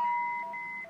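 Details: Philips MRx defibrillator charging tone: steady electronic tones shifting in pitch while charging to 100 joules for synchronized cardioversion of unstable atrial fibrillation with rapid ventricular response, before a synchronized shock.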